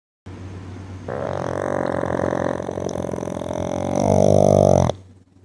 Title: my boy frank the pug snoring hard to sleep with